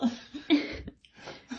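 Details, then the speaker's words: A young boy tries to cough while hiccuping: short, harsh cough bursts broken by abrupt hiccup catches; he had refused a drink of water; cough with hiccups. "пытаются кашляться но при этом икаю"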